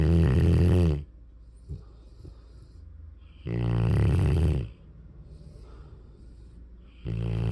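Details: Snoring from a sleeping Mastiff/Rottweiler puppy: loud, deep, rumbling snores about every three seconds, with quiet pauses between.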